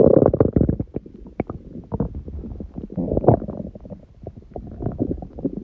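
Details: Stomach growling recorded at 1:30 am, about six hours after eating too much udon, first gluten in a while: bubbling, gurgling rumbles with rapid pops and squeaks, steady throughout; normal digestive sounds.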